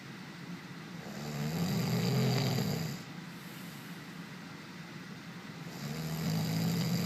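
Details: Deep, low rumbling breaths swelling and fading, about two in seven seconds, over steady background noise; snoring.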